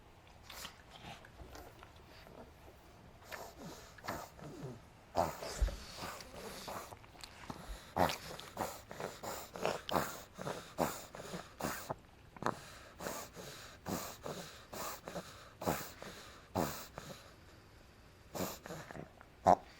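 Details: 5-month-old female pug puppy makes repeated short, noisy snorting breaths, labored breathing after suddenly running wildly and then a reverse-sneezing episode.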